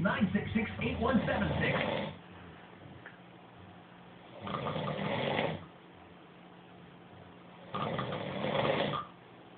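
Three drawn-out rasping snores roughly every three to four seconds, with quiet between them; ordinary snoring.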